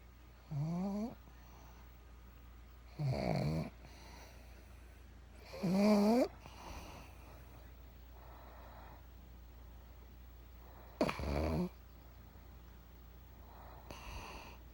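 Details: Pug snoring: loud rattling snores roughly every few seconds, about 11 a minute with uneven spacing, over quiet room hum.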